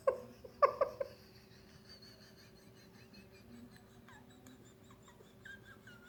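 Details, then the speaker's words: A few sharp, short voiced gulps close together, then quiet room noise; hiccups. "Hiccups can be controlled by breathing."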